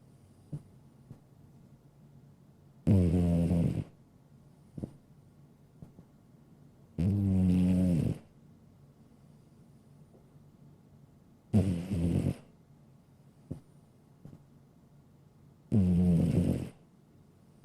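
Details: Sleeping cat snoring: four loud, rattling snores at about 14 breaths a minute with quiet gaps between them; relaxed sleep snoring.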